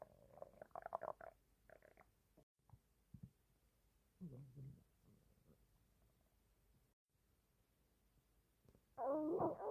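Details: Male stomach growling (borborygmi): quiet low gurgles and rumbles in bursts, ending in a louder growl; ordinary stomach growling from gut movement.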